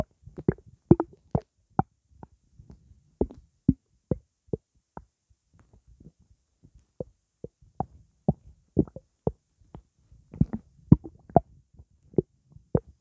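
Irregular short gurgles and sloshing pops from the belly after drinking juice; ordinary stomach gurgling (borborygmi).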